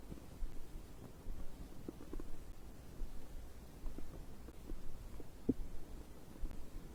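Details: Stomach growling recorded after drinking a beverage: low, irregular gurgling and rumbling with a few brief squeaks, normal digestive bowel sounds.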